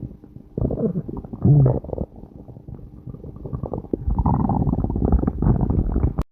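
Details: Human stomach growling, recorded around a time of passing gas: loud, low gurgling and rumbling from the belly lasting several seconds; bowel sounds.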